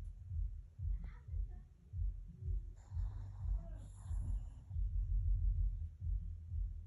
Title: Snoring Pomeranian (Butter) #asmr #shorts #shortvideos #short #dog #pomeranian